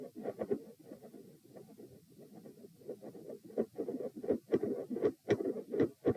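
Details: Heart sounds recorded at position p, lying down, during manoeuvres to provoke murmurs: rapid beats with loud, split S1 and S2 and a soft rushing midsystolic murmur between them.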